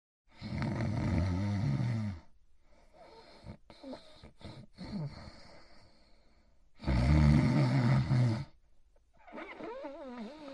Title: Itchy Itchiford Sleeping & Snoring In His Bed